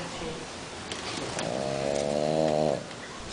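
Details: Sleeping French Bulldog: a brief noisy breath, then a drawn-out, humming, slightly whiny snore lasting over a second. Snoring.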